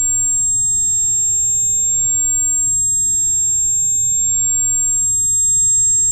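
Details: Simulated tinnitus, ringing in the ears: a steady, very high-pitched ringing tone with a faint low hum, offered as a sample for people with tinnitus to compare.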